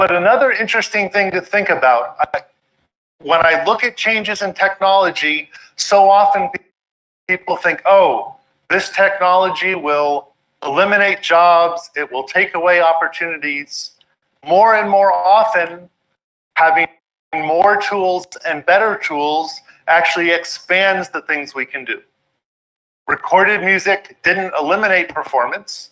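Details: Adult speaker; normal speech.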